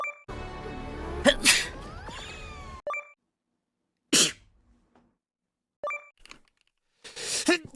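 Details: Several short, sharp sneeze bursts from adult VTubers in a weekly compilation, separated by brief musical jingles and chime cuts, followed by "excuse me" and "bless me".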